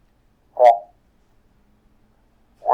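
Two brief, muffled spoken words with the crisp high sounds stripped away, barely intelligible; a simulation of how speech sounds with hearing loss.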